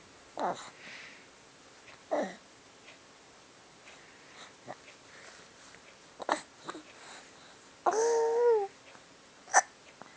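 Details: Hiccups: several short, abrupt catch sounds at irregular intervals, with a brief voiced squeal near the end, in a quiet room.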